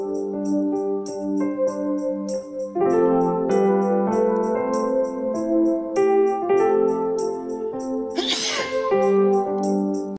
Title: funny video sneezing when i play chafya ilivyo nipata wakati niki record